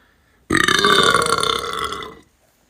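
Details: One long, loud, rumbling burp lasting nearly two seconds, then quiet; a forceful belch of swallowed air.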